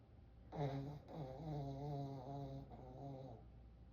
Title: Rotten dogs snoring